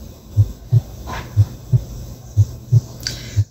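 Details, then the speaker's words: Simulated auscultation from a practice app: heart sounds at about 60 beats a minute with an exaggerated, widely split second heart sound. "división del segundo sonido cardíaco y una división exagerada del sonido de ese 2"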